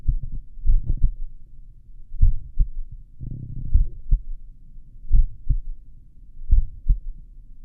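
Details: Own heartbeat recorded with a stethoscope at the apex while lying down: slow, steady lub-dub pairs at about 42 beats a minute, with some stethoscope rustle. Slow heart rate (bradycardia).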